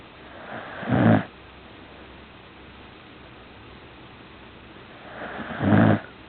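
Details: Sleeping puppy snoring: two low rattling snores about five seconds apart, each rising and falling with the breath.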